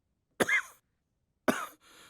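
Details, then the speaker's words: Simulated cough in a Bengali short film: an elderly man (grandfather) acting worsening asthma gives two short dry coughs; he uses an inhaler when it gets bad. "আর কি গো দাদু, এত কাশছো কেন? ওই ওই অ্যাস্থমার টানটা খুব বেড়েছে, বুঝলি?"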